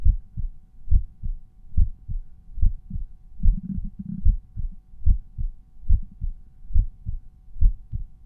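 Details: Normal resting heart sounds heard at the mitral auscultation point, volume normalized per point.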